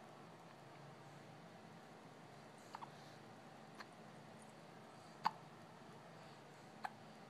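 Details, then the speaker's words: Two ladies both with hiccups, taking turns: faint, sharp, irregular little clicks against steady room noise, about five in seven seconds. "ladies. They both have the hiccups."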